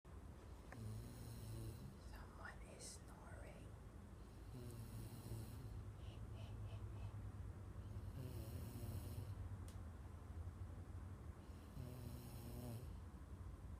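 Low rattling snores with each breath in, about four over fourteen seconds, against steady room noise; ordinary snoring.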